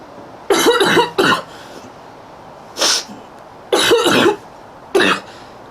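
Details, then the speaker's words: Girl outdoors in a prolonged coughing fit, struggling to catch her breath, says she coughed up half her lung: harsh coughing, roughly five bursts over a few seconds, some paired. "My neighbors really hear me cough. My grandmother cough like and I just bring it on myself."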